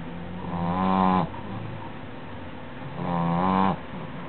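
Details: Snoring louder than usual, put down to being really tired: two loud, low, buzzing breaths about 2.5 seconds apart, rough and vibrating on each draw.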